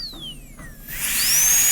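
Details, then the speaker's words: Dental high-speed handpiece whining as it spins up and cuts, with a faint falling tone before it, while the instructor trims the chamfer margin on a student's canine PFM crown preparation. The end of the bur is kept at the margin near the gingiva. "You keep the margin near the gingiva. Always keep the end of the burr at the margin."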